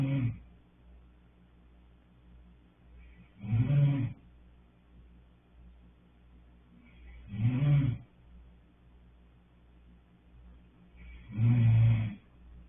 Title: Roncando